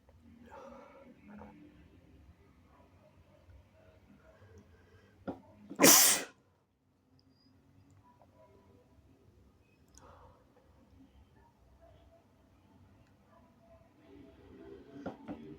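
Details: Person (he/they) still sick with a cold: a single loud, wet, snotty sneeze over quiet breathing and room noise.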